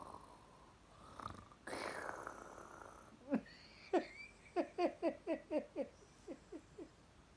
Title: snoring with his eyes open the lulli 🤪🤪🤪